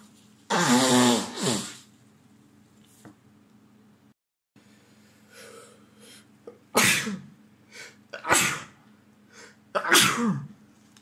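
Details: A series of forceful sneezes with sniffing between them from a man with a cold lasting over a week, in an unexpected sneezing fit; sneezing.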